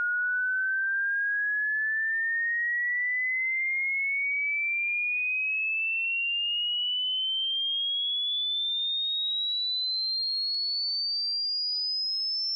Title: hearing test